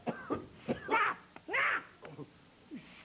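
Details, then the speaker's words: An adult on a comedy TV show gives a run of exaggerated, strongly voiced coughs that are deliberately acted; imitated cough. "that I can't stand it when people cough you'll get germs on me turn around"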